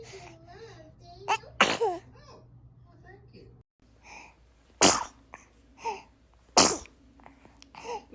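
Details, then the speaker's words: Baby sneezing: several sharp sneezes, each followed by small cooing and whimpering sounds; ordinary infant sneezes. "bless you blessings huh need to do the most during a sneeze"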